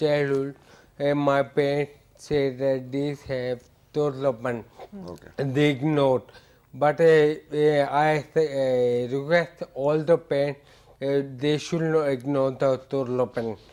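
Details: Adult male with hereditary ataxia for about eight years; ataxic dysarthria.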